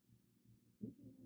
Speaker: you can hear my cat snoring or my son's cat that's H um